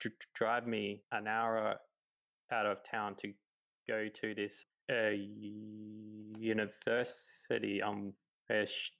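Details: 28-year-old man who has stuttered his whole life, since about age three, real speech; stuttering.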